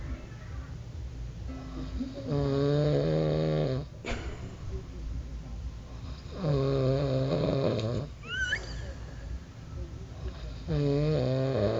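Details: Ordinary snoring: loud, regular low buzzing snores about every four seconds, roughly 14 a minute, with quieter breathing between.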